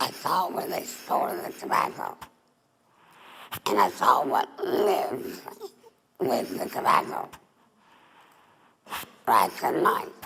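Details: Adult woman, former smoker, larynx removed for laryngeal cancer, with neck stoma. Alaryngeal speech after total laryngectomy.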